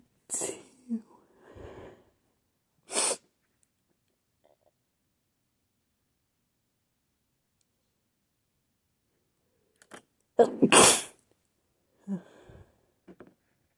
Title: Teasing induced sneezes, buildups, and attempted stifles